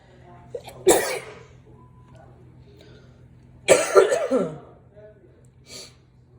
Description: Snorted some pepper for some sneezes